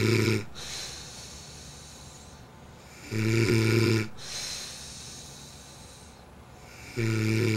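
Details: Loud, rough snoring on each breath in, about 16 breaths a minute, with quieter breathing out between snores; snoring from a Greek boy who denies that he snores.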